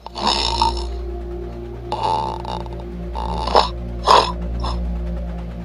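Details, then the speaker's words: Loud, harsh, rattling snores with each breath, about four in five seconds, over background music; heavy snoring, presented in the context of snoring and sleep apnea. "그래서 숨쉬는 소개 소리가 그렇게 샤 난 소리가 난다는 것은 그 호흡이 얼마나 문제가 있다는 것을 여실히 보여주는 거거든요"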